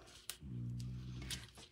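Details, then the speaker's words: A single low, buzzing rumble, a loud snore from one of two sleeping French bulldogs lying under the owner's feet. "if you hear that snoring which might maybe sound like my stomach growling it's my two French bulldogs that you saw a picture of this week underneath my feet snoring as loud as can"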